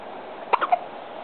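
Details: A 3-month-old baby girl hiccupping; three quick, sharp squeaky catches in close succession, sounding like a squeaky toy rather than typical hiccups, over background hiss.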